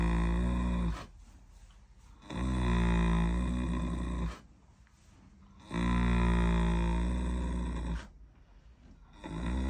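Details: Loud, deep, rumbling snores with quiet pauses, about three in ten seconds, from a sleeping Standardbred maiden mare at night during foaling season; heavy snoring.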